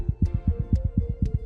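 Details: Rapid, regular heart sounds at roughly 240 beats a minute, a sustained tachycardia, over a steady background hum.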